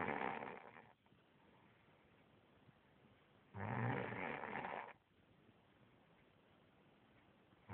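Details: Snoring from a sleeping person: two rough, fluttering snores about four seconds apart, roughly 15 breaths a minute, with quiet between; ordinary snoring.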